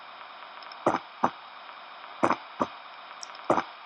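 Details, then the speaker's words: Veterinary cardiac auscultation with no murmur but an extra heart sound: slow cycles of three sounds, a close pair then a third, a gallop rhythm. "el cuarto proyecto no tiene un soplo pero escuchamos algo raro escucha con intención"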